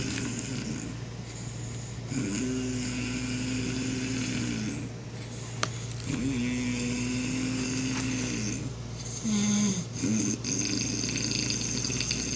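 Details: Snoring: long, steady, droning snores with a humming tone, one with each slow breath, over a constant low background hum.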